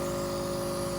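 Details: Compressor nebulizer treatment through a T-tube on a trach for a ventilator-dependent daughter, lasting 15–20 minutes. Steady droning hum with a fine rapid buzz as liquid medicine is turned into mist for the lungs.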